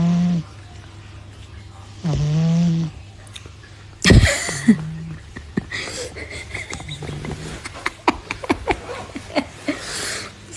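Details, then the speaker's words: Pet cat sleeping and snoring, compared to a dad's snoring: loud, drawn-out buzzing snores, followed by clatter and room noise. Snoring. "ini perasaan kerja pun tidur makan tidur kerja pun tidur ya kalian lihat masa ngorok"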